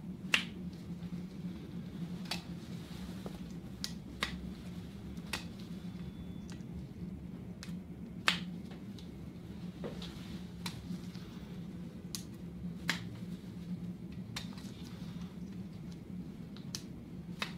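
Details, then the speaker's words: ECG electrode leads snapping onto the chest during a simulated head-to-toe physical exam, after abdominal palpation: sharp, irregular clicks, about eight a minute, over steady room hum. "okay start with the leads on your chest here just you'll hear them kind of snapping on here"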